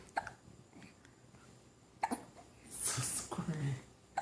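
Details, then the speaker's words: Baby hiccups: three brief, sharp hiccup sounds about every two seconds, with an adult's soft voice and room noise in the background. "oh hiccup oh man I always get hiccups"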